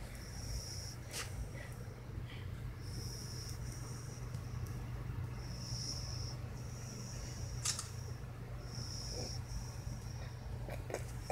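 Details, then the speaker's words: Sleeping puppy, one eye partly open: soft, repeated whistling snore sounds on each breath over a steady low room hum. "what's all right sleeping with one eye open and snorey sleep like human here"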